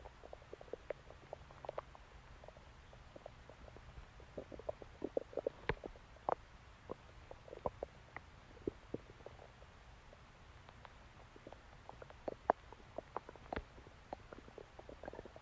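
Faint scattered gurgles and pops over a quiet hiss; ordinary bowel sounds of digestion.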